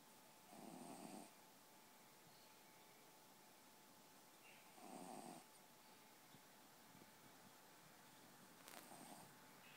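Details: Soft, short snoring about every four seconds over steady room hiss during sleep; snoring.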